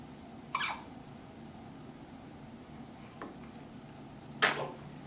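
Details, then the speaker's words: Two brief, sharp, hissing sneezes from a newborn boy held in his grandmother's arms before hospital discharge, in a quiet room. "Oh, bless you. And there was a sneeze for you."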